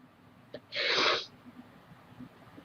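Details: Person who says they feel sick, with head and nose hurting and needing many tissues, and who suspects allergies: a short intake of breath, then one explosive sneeze.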